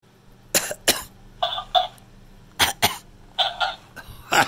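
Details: Hamster coughing: about nine tiny, sharp coughs in quick pairs, some with a squeaky tone.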